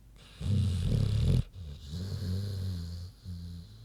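Low, rough rumbling snore from a sleeping pig, with a loud snort at the start and softer grunting breaths after.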